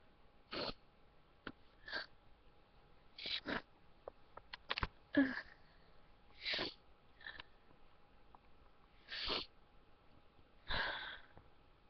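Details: Person trying to hold back sneezes: a run of about eight small, soft sneezes and sniffs in twelve seconds, in a quiet room.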